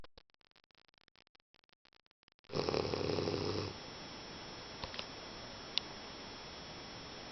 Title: English Bulldog snoring